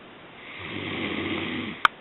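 A single low, rumbling snore on one in-breath, rising and fading, ending with a brief click: snoring.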